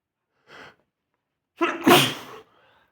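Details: A short sniff, a pause, then one explosive sneeze with a quick intake of breath just before it, while in bed; sneeze.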